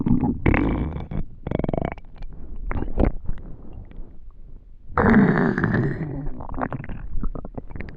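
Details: Borborygmi (stomach rumbling).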